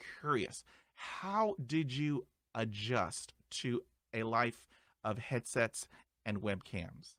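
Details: Adult male who stutters, with audible sound repetitions; he reports his stuttering involves blocks and repetitions, with eye closing and arm movements during blocks; stuttering.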